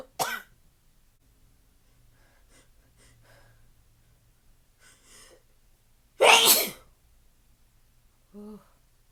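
Two sharp, explosive sneezes a few seconds apart, with quiet breathing in between and a brief voiced sound at the end.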